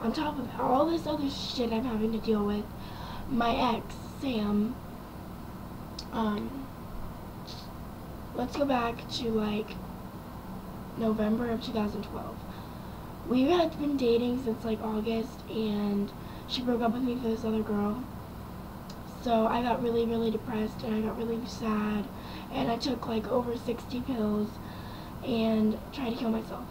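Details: Young woman with dysphonia after about 2 weeks of ventilator intubation following a car accident with near-collapsed lungs; a vocal cord damaged, possibly permanently; improved over recent months but not back to normal, cannot scream.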